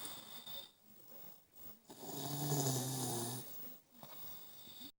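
A single rough, buzzing breath sound about a second and a half long between quieter breaths: snoring in a small child.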